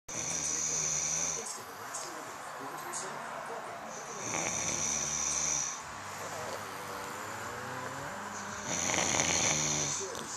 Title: Marta Says We Snore